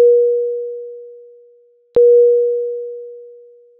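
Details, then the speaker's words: Medium priority alarm on a HeartStart Intrepid monitor/defibrillator, e.g. heart rate outside high or low limits, shown with yellow background: two steady mid-pitched fading tones about two seconds apart; non-life-threatening, needs prompt response. "a medium priority indicates a non life-threatening condition such as when the heart rate measurement violates the high or low limits and requires a prompt response the alarm message displays with a yellow background and sounds like this"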